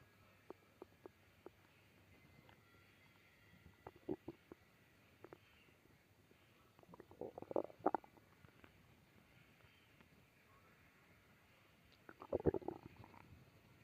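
Quiet background with a few brief gurgling, squelching growls in three short bursts: ordinary stomach growling from gas and fluid moving through the gut.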